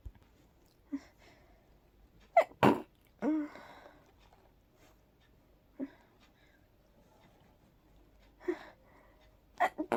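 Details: Several soft, breathy, stifled sneezes with quiet gaps between them, from a very sleepy person trying to fall asleep in a quiet room; allergy sneezing, with pollen the suspected but uncertain trigger.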